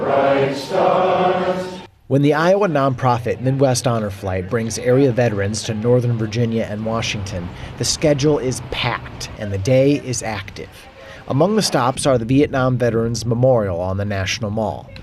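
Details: Adult male news reporter; Normal speech.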